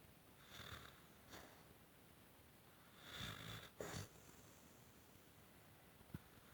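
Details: Pit bull sleeping with tongue out: irregular snorting snores with raspy, wheezy breaths and quiet pauses, unusual snoring even for her.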